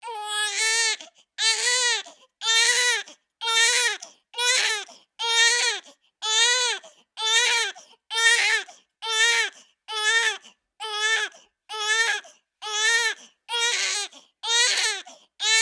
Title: Baby crying sound effect